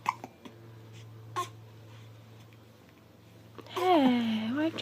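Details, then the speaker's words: Infant with hiccups: several short, sharp little hiccups close together, followed by a brief fussy vocal sound in a quiet room. "why'd you stop that for? Is it those hiccups? Yeah. You want to get rid of them?"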